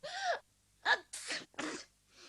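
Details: Acted sneezing from the animated Anne of Green Gables: Anne sneezes several times in quick succession, each a sharp in-breath then a forceful burst, as she wonders if she has caught a cold.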